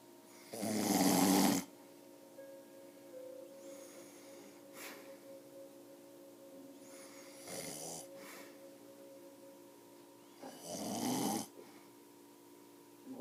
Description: My grandpa is a heavy snorer and does not belivev that he snores but i took this video to show him how much of one he is hahaha.